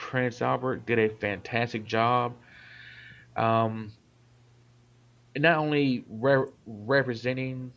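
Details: Adult man, self-described stutterer; part-word and whole-word repetitions; stuttering.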